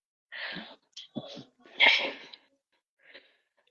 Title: sorry vlog nahi upload kr pa rahi hu, Cough and Cold ro rakha h bahot jyada🤧🤒